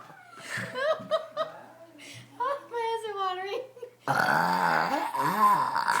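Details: 7-year-old child deliberately burping: laughter and voices, then a long, loud, voiced belch lasting about two seconds.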